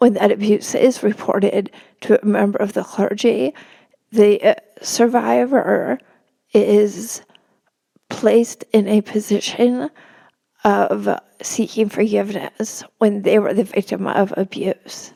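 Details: Spasmodic dysphonia in an adult woman; real condition, disclosed beforehand, noting it may make her sound nervous though she is not.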